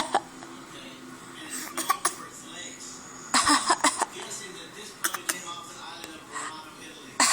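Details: Person coughing.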